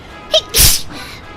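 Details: A brief intake sound followed by a single sharp, explosive sneeze from an adult during a live stream.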